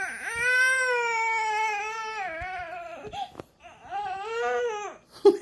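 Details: A toddler cries because she wants to play outside at the park but it's raining. She wails in two long bursts with a brief catch of breath between them.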